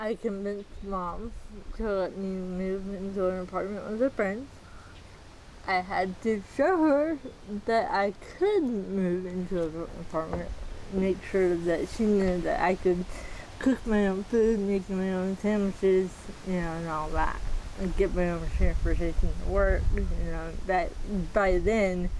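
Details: Dysarthria in a 40-year-old woman with moderate to severe athetoid cerebral palsy with quadriplegia, GMFCS level 3/4, using a power wheelchair; she says people sometimes have trouble understanding her.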